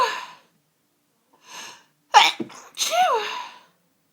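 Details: A sneezing fit of several sneezes in close succession, each a quick inhale and then an explosive burst, in a person whose sneezing began suddenly within the last hour on a Sunday evening; repeated sneezing.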